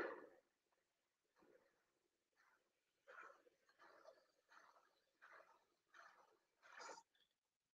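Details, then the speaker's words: Headache surgery workup: a handheld Doppler placed on the patient's finger-pointed auriculotemporal trigger site gives rhythmic pulsing whooshes at about 85 a minute, the superficial temporal artery signal. "now I'm taking a handheld Doppler and I'm putting it right on that"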